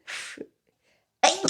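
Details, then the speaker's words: A streamer says they are about to sneeze because of an allergy, then gives a single sharp, hissing sneeze, followed by a brief pause and speech; sneeze. "Eu vou espirrar, tá dando alergia."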